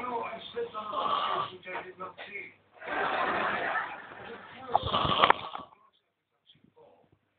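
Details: Loud, rough, rattling snoring in long bursts from a sleeping man, recorded through a muffled, low-quality channel; snoring.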